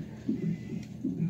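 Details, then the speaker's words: Soft rhythmic whooshing fetal heartbeat on a labour Doppler monitor, slowing during a maternal contraction, with a possible placental problem and a c-section planned; fetal heart rate deceleration. "and the top is my baby's heartbeat and you can see that it goes down and you can even hear it like because i'm having a contraction right now"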